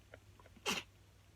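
One short, sharp sneeze with a brief breath in before it, against quiet room noise.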